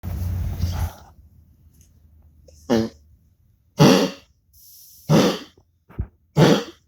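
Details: A pet coughing, recorded for its veterinarian: several short, harsh expulsive bursts in a loose series with pauses, over faint room noise.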